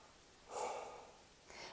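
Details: Stethoscope at the lung apex during deep breaths in and out, comparing sides: soft, even airflow with no wheeze or crackles; normal breath sounds.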